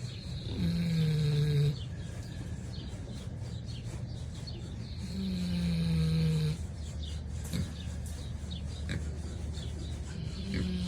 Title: Pig Snoring #kunekune #pig #snoring